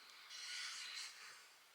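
A single soft, hissing, airy breath from a sleeping dog, a light snore against a quiet room background.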